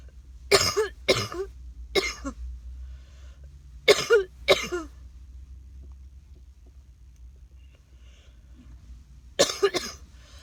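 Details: An adult coughs in bursts, a cluster of three, a pair, then two more after a pause, over low room hum; the person suspects walking dogs in the rain didn't help the cough.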